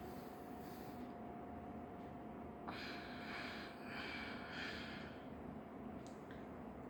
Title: Breathing exercises to reduce stammering and anxiety 💯 #stammering#stammeringtips